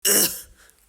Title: Cough 😷 solution,others v/s me🤣